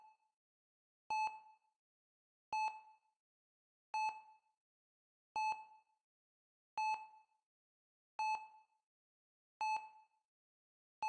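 Steady electronic monitor beeps, about 42 a minute, each a clear short tone against silence.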